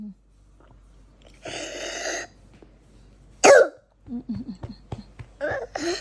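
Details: Young child with pneumonia flaring up at midnight, short of breath and taken to the emergency room: a noisy, breathy outburst, then a forceful cough and short whimpering cries; cough in child with pneumonia.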